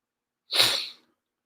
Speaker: Oh, bless you. Whoa. Bless you. Whoa. Whoa. Oh, man. Got some sneezes, Hear that.